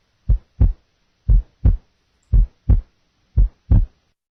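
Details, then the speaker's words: Simulated physiological split second heart sound at the left base, splitting on inspiration and single on expiration. "so then bass left physiological split second sound physiology tone okay let's do so inspiration inspiration expiration expiration okay"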